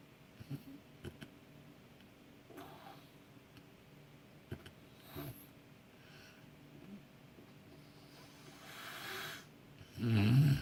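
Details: A friend secretly recorded while sleeping, with consent: irregular snorts and soft breathing noises, ending in a loud, rough snore; unusually varied snoring.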